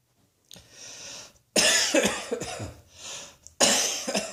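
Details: Cough.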